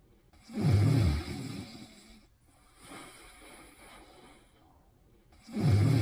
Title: Pimples' Cute Snoring in 40 seconds Pt. 2